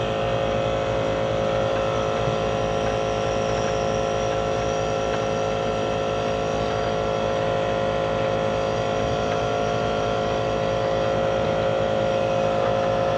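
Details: Grandmother's nebulizer breathing treatment while told to inhale and exhale deeply: loud, steady compressor motor hum with fast, even pulsing throughout.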